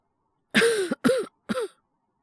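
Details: Voice actor performing a male character with a cold; all acted: three short voiced coughs in quick succession, a simulated cough with a cold.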